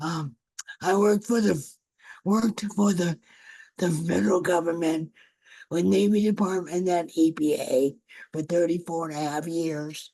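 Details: Older adult woman who stutters and also has a paralyzed vocal cord: stuttering.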